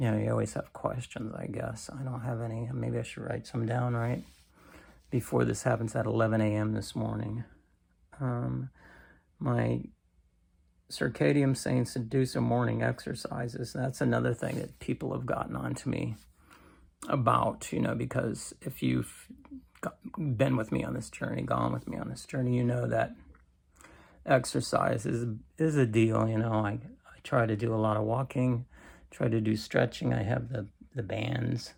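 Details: Adult man with cancer and a bile duct stent that his doctor says needs clearing more often; creaky, weak voice, which he attributes to lack of strength, especially in the morning.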